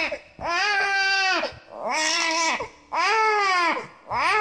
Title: NEW BORN BABY CRYING SOUND